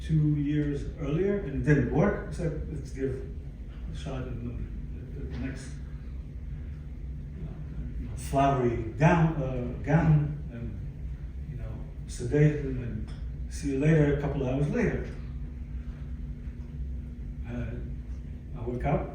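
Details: Aphasia in a 62-year-old man, acquired after a stroke in December 2011 that followed a cardiac ablation for arrhythmia; affects languages and speech; attending speech therapy at an aphasia center.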